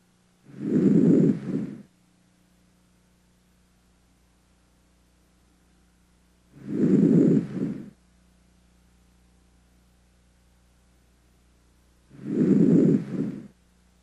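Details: Healthy patient, auscultated with the stethoscope: three soft, even breath cycles with no added sounds, normal breath sounds.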